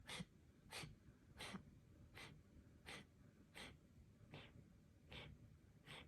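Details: Cat coughing.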